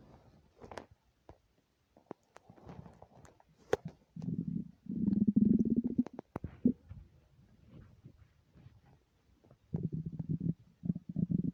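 Low gurgling and rumbling bursts from an empty stomach, with quiet gaps between them; ordinary bowel sounds.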